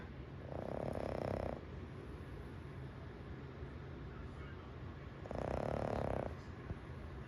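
Two long rattling snores about five seconds apart against steady room noise.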